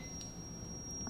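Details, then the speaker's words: Defibrillator training demonstration for adult cardiac arrest with ventricular fibrillation: 200 joules selected and the team warned, then the charge button pressed. A steady high-pitched electronic defibrillator charging tone is heard before the shock. "warn the team are you gonna start charging the defib so press the charger button"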